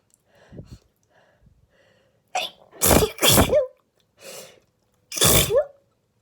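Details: Adult woman's flower-allergy sneezing fit: soft catching breaths, then four forceful sneezes in quick succession.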